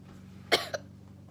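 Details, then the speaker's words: A person who has the hiccups gives a single sharp, explosive cough, then a brief smaller second burst, over a steady low hum: a plain cough, not a hiccup. "That wasn't a hiccup, that was a cough. But whenever I cough, it makes you hiccup, so tomato, tomato."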